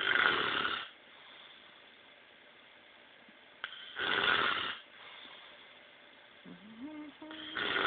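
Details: Snoring, a compilation of repeated snoring episodes.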